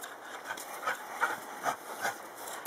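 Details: A dog with laryngeal paralysis breathes rapidly with harsh, raspy noises on each breath while the owner tries to bring on the sound: inspiratory stridor.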